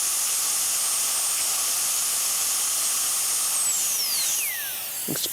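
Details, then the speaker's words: Steady high-pitched whine with hiss from a high-speed dental drill cutting through the periodontally involved distobuccal root of a maxillary first molar during root amputation, falling in pitch as it stops. "We now begin by making the cut for the root resection."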